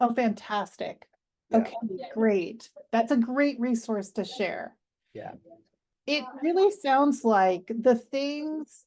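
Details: Adult woman speaking; Normal fluent speech.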